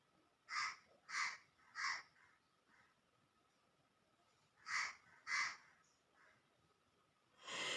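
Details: Sneezing challenge using long green grass, a handkerchief and spicy cooking: two runs of short, sharp bursts, three then two, plus a final louder one; a series of quick sneezes.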